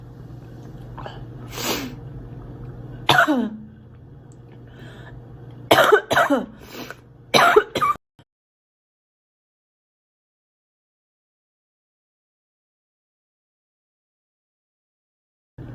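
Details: Girl's acted coughing: several short coughs and throat-clearing sounds over steady room hum, then silence; cough.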